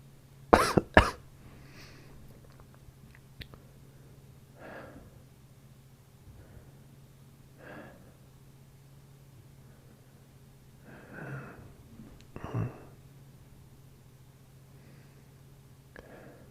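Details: Actor genuinely ill with a cold-like bug, COVID-negative, with fever, tickling throat and light sensitivity: two sharp dry coughs, then quieter breaths and throat sounds in a quiet room.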